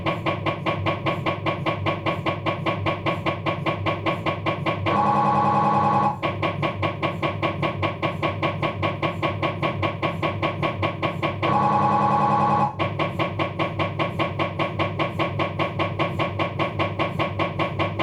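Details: Rapid regular knocking about 150 a minute broken by two louder steady buzzing tones from a Philips 1.5T MRI scanner during an abdominal scan, diffusion sequence; MRI scanner noise.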